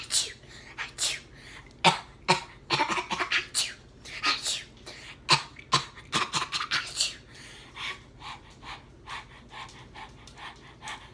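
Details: Acted COVID skit: bursts of short, harsh, irregular clustered coughs and throat noises with what sounds like a sneeze; cough.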